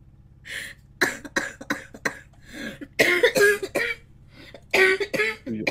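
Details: Girl coughing: repeated harsh, forceful coughs in short clusters, some with a throat-clearing quality, over a steady low room hum; she says her throat hurts badly.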